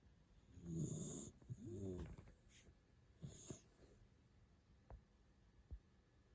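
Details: Three-month-old male black Labrador Retriever puppy asleep in a quiet room: a few low, rough breathing noises, then soft sniffs and clicks; light puppy snoring.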